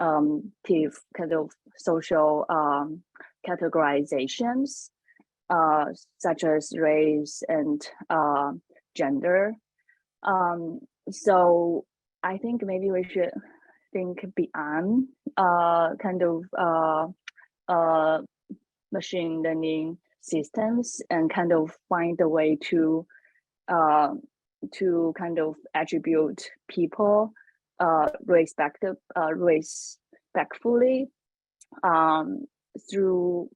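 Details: Adult woman panelist who says she has a stutter, speaking English: stuttering.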